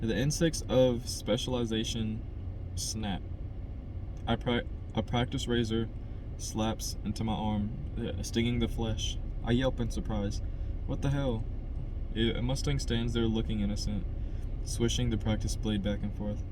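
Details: Adult man who stutters, by his own account a little, reading a novel chapter aloud as practice to help his stutter; word repetitions; stuttering.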